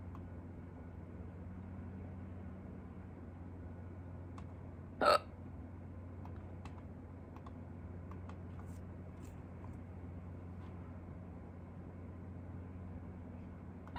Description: I had hiccups for the first time in a long time, so I shot a video in a hurry!